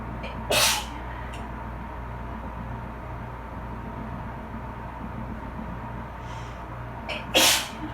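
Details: Adult allergic to bleach, sitting in a bath after cleaning with bleach: two sharp sneezes several seconds apart over a steady dryer and A/C hum; allergic sneezing.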